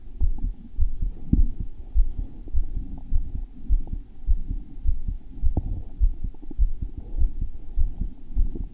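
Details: Male's self-recorded heartbeat after his heart felt thumpy: strong, deep, fairly regular pounding beats at roughly 100 per minute against a low hum; a forceful heartbeat.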